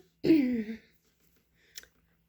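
A voiced falling sigh-like sound, then a brief throat-clearing burst in a quiet room.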